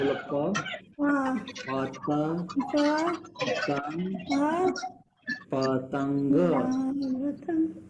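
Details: Non-fluent (Broca's) aphasia with CV recurring utterance and perseveration; naming a kite picture, the word comes with repetitions and a paraphasic variant.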